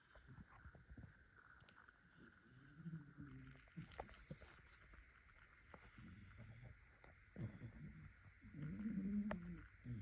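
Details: Low, rattling snores from a sleeping male pet cat, about three every ten seconds, over a steady background hum.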